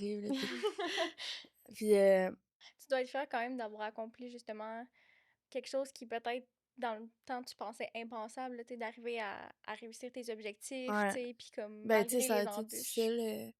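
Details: Adult woman speaking; normal voice.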